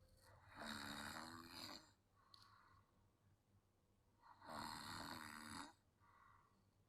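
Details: Sleeping child snoring: two soft, rattling snores on the in-breath with quieter out-breaths between them; snoring.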